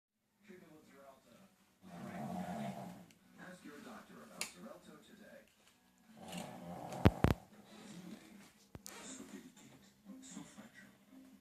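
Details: Small white dog asleep: irregular snorting, rumbling breaths with a few sharp clicks in a quiet room, first mistaken for a grandfather's snoring; dog snoring.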